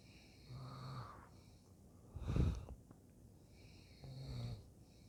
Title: #leon# snoring